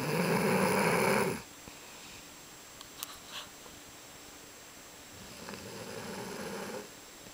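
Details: Person snoring on a couch, recorded February 2010: two rough, noisy snoring breaths about five seconds apart, a snore on each breath, with a quiet room between them.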